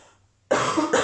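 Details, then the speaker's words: Adult woman who says she is a bit sick gives a short two-burst cough after a brief quiet pause, while speaking; cough. "Excuse-moi si tu m'entends tousser ou si tu entends ma voix partir en vrille. Je suis un peu malade."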